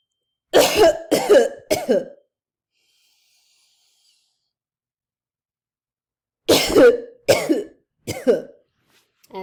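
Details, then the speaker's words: Nursing student demonstrating postoperative controlled cough teaching, seated with feet on the floor, arms over the belly, inhaling slowly and leaning forward: two sets of three short, forceful coughs separated by a pause. "that's how we do the control caffeine and now we're going to talk about turning patients and bait"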